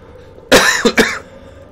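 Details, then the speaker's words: Cough from a streamer who is still ill, with a hoarse voice, an itchy throat and a bad cough. "J'ai la voix un peu cassée, j'ai une vilaine toux, ça me démange dans la gorge, mais je suis là."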